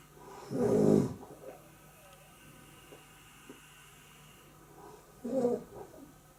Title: Snoring in Osh - Real Travel Moments